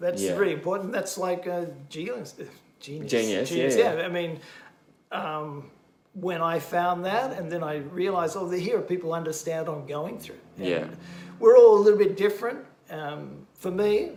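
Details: Adult male bilingual English teacher who had a stroke during heart surgery four years earlier; expressive aphasia in English and Japanese, with word-finding difficulty, circumlocution and cognitive fatigue; language about 50-60 percent, gradually improving. Expressive aphasia.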